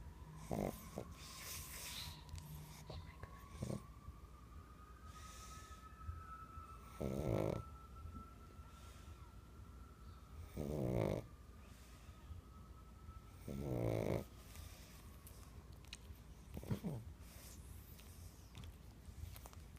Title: Sleeping pug twitching and snoring